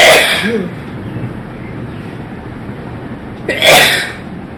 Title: Sneezing And Nose Blowing Challenge Part 15😂😂😂